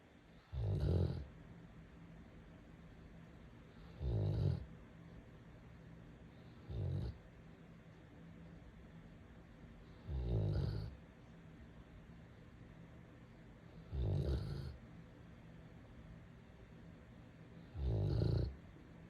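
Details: A sleeping golden retriever snoring in low, rumbling bursts about 17 times a minute over quiet room noise.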